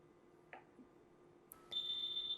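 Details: Faint ticks, then a steady high-pitched electronic alarm tone during the pre-use system check of a Dräger Evita V800/V600 intensive care ventilator.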